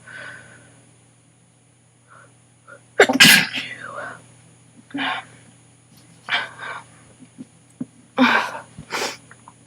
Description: I had an sneezing attack and was able to get some on video. My nose and throat hurt so bad.